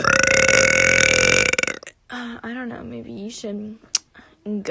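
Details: One long, loud, rumbling belch, followed by voiced speech and laughter: burping.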